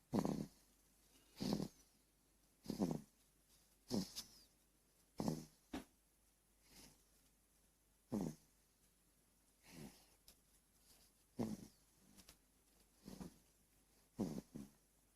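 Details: Four-month-old baby girl snoring: short snorting noises in a steady rhythm, about 47 a minute, with faint squeaky notes.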